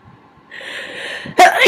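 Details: Sneezing, possibly induced rather than natural: a drawn-in, hissing breath builds up, then breaks into the sudden loud burst of a sneeze at the very end.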